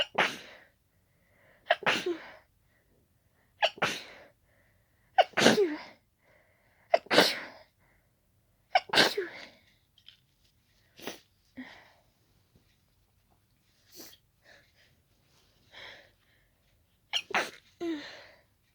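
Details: Allergic wet sneezing after closely smelling daisies, described as very tickly and wet: a run of about ten sharp, wet sneezes, some in quick pairs, with short pauses between.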